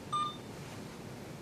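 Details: One short high electronic beep from an IV infusion pump as a menu option is chosen during setup practice; an ordinary keypress tone, not an alarm.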